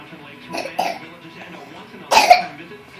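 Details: Infant coughing while being rocked: three short coughs, two quick soft ones then a louder, harsher one, over a faint steady hum; cough.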